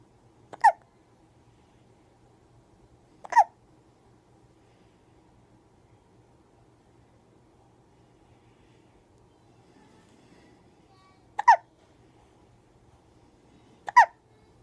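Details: Hiccups: four sharp, brief hiccups at irregular intervals in a quiet room.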